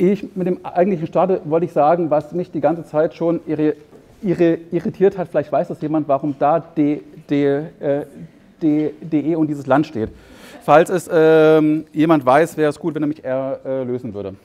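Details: Adult male psychologist who has stuttered since early memory, reduced in frequency and severity after therapy; mostly mild blocks, sometimes large blocks; stuttering.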